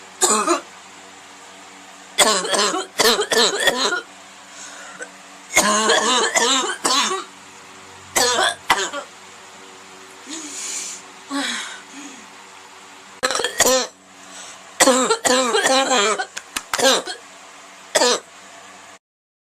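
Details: Repeated harsh, voiced, barking coughs in clusters, about fifteen in all, over a steady background hum; a horrible barking cough.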